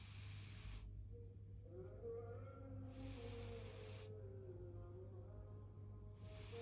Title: Snoring babyyyy…. #fyp #cat #viralvideo #shorts